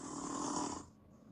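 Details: A single rough, rattling snore on the in-breath, then quiet, from an adult man with severe snoring and suspected sleep apnea, recorded overnight by a bedside snoring app; snoring.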